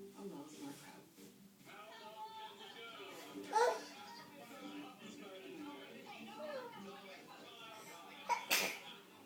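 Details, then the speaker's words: Quiet conversation, then a brief explosive sneeze near the end; an ordinary sneeze. "Yeah, happy sneezes."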